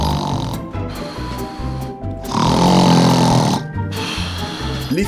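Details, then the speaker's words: Snoring presented as an example that women snore too: loud, rattling, low snoring breaths with snorting over background music; snoring. "Les femmes n'y échappent pas. Certains changements hormonaux peuvent avoir une influence sur le ronflement comme la grossesse ou la ménopause."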